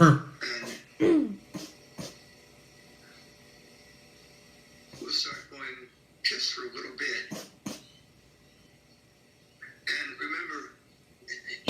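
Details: Habit cough (somatic cough syndrome), later cured; the person is now almost 40 weeks pregnant.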